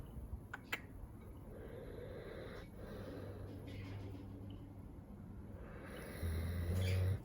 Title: Chow Chow Snores